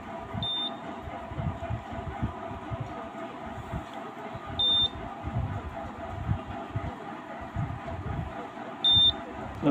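Three short high electronic beeps over room noise and background music: a blood glucose meter signalling during a home finger-stick test.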